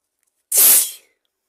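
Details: An induced sneeze: a single hissing, spray-like burst of air through the nose and mouth; one sneeze.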